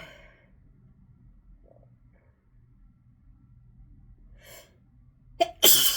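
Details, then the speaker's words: Person at work having a sneezing fit after being sneezy all morning in rainy weather, trigger unknown: quiet breathing and a soft sniff, then a sharp sneeze near the end. "Oh my gosh, you guys. Shoo, this isn't gonna stop. Shoo. Shoo. I don't even want to talk, because every time I try to talk, it just gets worse."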